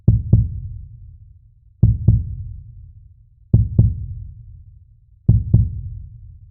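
Steady paired lub-dub thumps at a slow rate of about 35 a minute, with a soft echoing low rumble fading between beats: a heartbeat.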